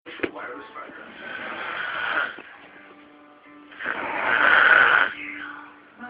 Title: Snoring hubby.